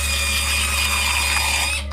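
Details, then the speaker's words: Dental drill drilling into a tooth during a root canal: high-pitched steady whine running continuously, then cutting off. "now if you've never seen one done before brace yourself because this is a root canal they drill into your tooth"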